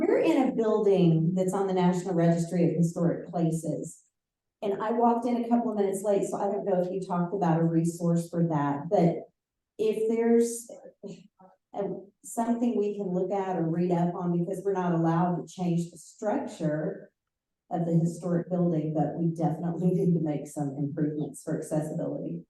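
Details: Adult woman speaking; ordinary speech.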